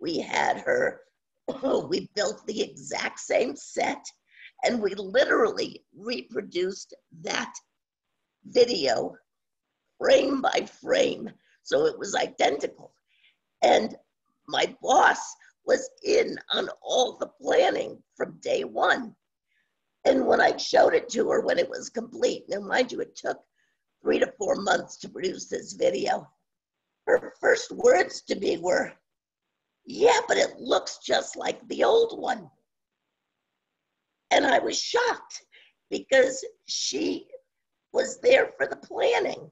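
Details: Adult woman with spasmodic dysphonia since around 2010, progressively worsening, no cure; awaiting a postponed Botox injection. Scratchy voice; spasmodic dysphonia.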